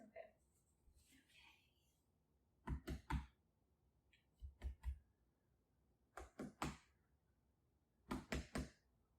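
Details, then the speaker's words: Normal chest percussion: examiner taps knuckles over hand on front of chest in groups of three, dull-hollow resonant notes, equal and symmetrical side to side, no abnormalities heard. "all right very good i heard no abnormalities everything sounded symmetrical there were equal sounds"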